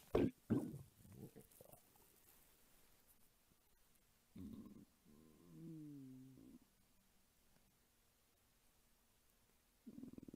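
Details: Soft gurgles and a drawn-out squeaky, tonal rumble from a hungry woman's belly, recorded as ASMR: normal hunger-related borborygmi.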